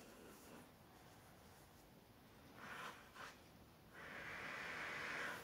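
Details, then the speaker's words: Soft steady hiss with brief louder rushes of air, then sustained airflow hiss: CPAP air through a Philips 3100 NC nasal pillow mask, with exhaust flow escaping at the bottom and the mask not fully sealed. "ich muss sagen ich kriege ja Luft und auch hier weiß ich nicht wo der spüfllo rauskommt es kommt was unten raus"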